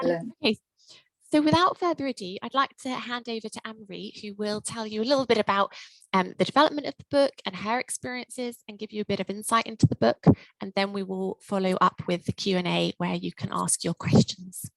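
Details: Adult woman; fluent speech.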